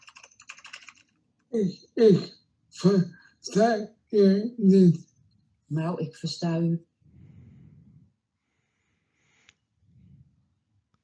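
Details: Patient with pseudobulbar dysarthria: strained, thick, slow 'hot potato' speech; pseudobulbar (spastic) dysarthria.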